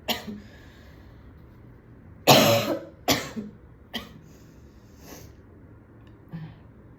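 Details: Series of about five harsh, throaty coughs, loudest in the middle, from an adult woman in a quiet room at home after smoking a cigarette at a party; cough after cigarette smoking.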